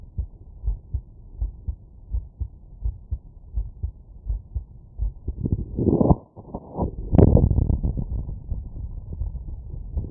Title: Heartbeat auscultation stethoscope heart sounds normal